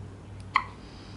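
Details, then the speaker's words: Baby girl, awake and not crying after being fed for about an hour, has one short, sharp hiccup over quiet room noise; an ordinary infant hiccup. "y que está despierta con hipo pero sin llorar Ay no linda linda a ver ojo puro tiene un hipo muy incómodo pero muy"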